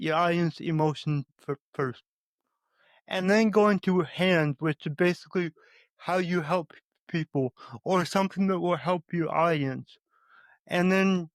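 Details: Adult male with a speech impediment who says he stutters, more so when talking with his mother than with most people; stuttering.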